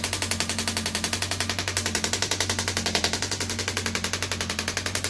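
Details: Radial shockwave therapy on an arm wrestler's triceps while seated forward; fast, steady mechanical tapping about 220 pulses a minute over a low motor hum from a radial shockwave handpiece.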